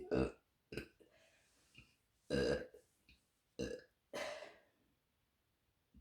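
A series of loud, throaty belches, about five in six seconds, with short quiet gaps between them.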